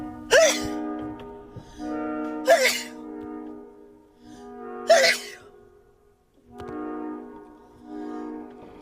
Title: Allergy sneeze fit (no antihistamines)